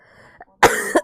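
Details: A girl with a bad cold, sore throat and lost voice gives a single harsh, forceful cough with a sharp second burst after a faint throat sound; cough.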